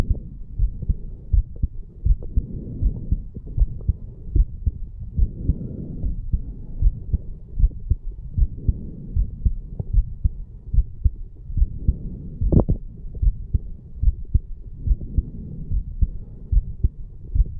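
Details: 34-year-old male, heartbeat recorded at the mitral area right after a farmer's walk exercise: strong, deep heartbeats at about 75 per minute with a low rumbling background; heartbeat after exercise.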